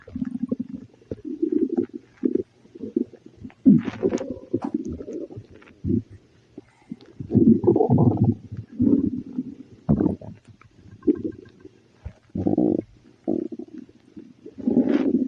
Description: When I ate spicy food, after a while my tummy started to growl and I began to burp very much.